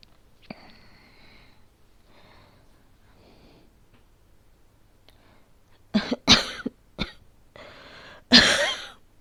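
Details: Acted coughing from a situational voice recording, not a real illness: a cluster of about five harsh, dry coughs after quiet breathing.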